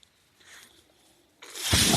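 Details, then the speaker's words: Near-silence gives way to a rising, rushing hiss of airflow as a podcast speaker's own mechanical ventilator starts a breath while he talks: mechanical ventilator breath cycle. "That noise you're hearing is my ventilator."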